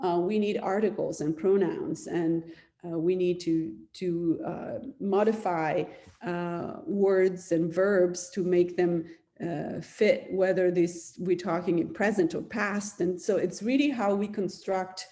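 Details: Adult speaker; normal speech.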